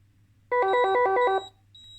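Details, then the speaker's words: Start-up tone of a B. Braun Infusomat Space linear peristaltic IV infusion pump powering on during a teardown: a short six-tone electronic melody of about one second, then a single high beep. "there's no way to open this without powering it up and going through some software things so it's closed so let's try and power it up and see if we can get a good picture of what the screen says"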